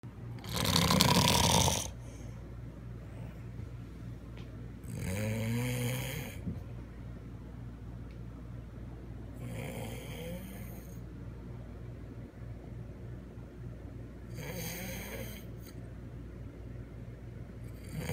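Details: Husband sleeping, snoring loud enough to keep his wife awake: loud rattling snores on the in-breath, about 13 a minute; heavy snoring.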